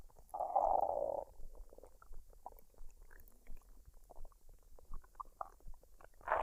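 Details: Woman's belly after a fried rice and duck dinner, unedited with no added sounds: gurgling, bubbling rumbles, one long low growl, then scattered squelches; normal bowel sounds (borborygmi).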